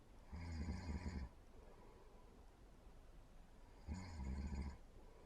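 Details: Snoring: two low, rumbling snores about three seconds apart, with steady room noise between them.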